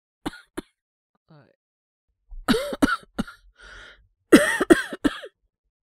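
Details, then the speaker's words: Acted cough by a male voice actor playing a young man with a probable cold, no fever or breathing difficulty: short dry coughs, then two clusters of three or four voiced coughs with catchy breaths between. "これ薬飲んだらちょっと咳落ち着きますか？授業中ずっとなんか咳してんの、周りにも迷惑だし、隣の子とか、授業聞こえなくなったらかわいそうだなと思って。"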